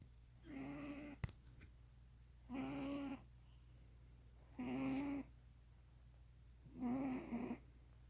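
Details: Regular, slightly whistling snoring breaths, about 29 a minute, with a faint click, from a sleeping male cat that may be dreaming.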